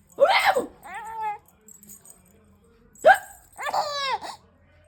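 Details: 6-month-old baby hiccuping: two sharp hiccup bursts, each followed by gleeful laughing squeals; infant hiccups with laughter.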